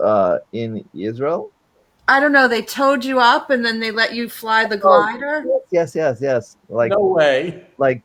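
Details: Man with aphasia since a stroke during heart valve surgery in 2007, non-fluent type; shortly after the stroke his speech was limited to single words; real chronic post-stroke aphasia.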